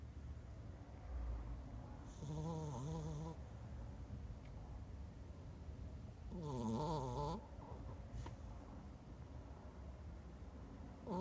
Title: snoring pupper